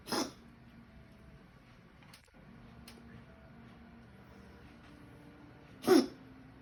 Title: coughing